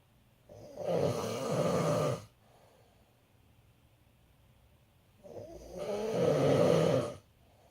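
Two loud, rough, rattling snores on breathing in, separated by quiet pauses; ordinary snoring.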